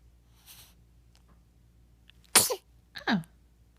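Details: Sneezing in a 4-day-old newborn during an awake, alert period: quiet room, then one sharp, high-pitched sneeze followed by a brief squeaky vocal sound; an ordinary infant sneeze.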